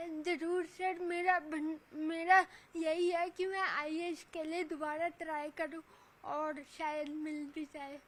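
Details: 26-year-old woman with cerebral palsy since birth, who cannot walk or speak properly; dysarthria due to cerebral palsy.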